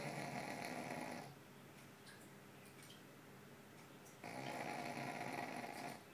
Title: Fat dog snoring